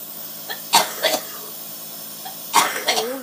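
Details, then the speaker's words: 25-year-old with cystic fibrosis, lung function 25%, on double lung transplant list, during nightly saltwater nebulizer treatment: two clusters of harsh, wet-sounding coughs, about five bursts in all, clearing the lungs; productive cough. "but uh this one takes a good about 15 minutes to you know cough up everything in your lungs"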